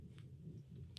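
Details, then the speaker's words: An adult who skipped breakfast but took three scoops of pre-workout has a quiet, low, continuous gurgling rumble with faint clicks, picked up by a close podcast microphone: stomach rumbling (borborygmi). "If you guys heard that, that was my stomach rumbling. Apparently, I didn't have breakfast this morning"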